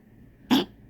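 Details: Dog diagnosed by X-rays and blood tests with collapsing trachea and enlarged heart, coughing since August 23rd despite heart medication and cough syrup: a single short, harsh honking cough.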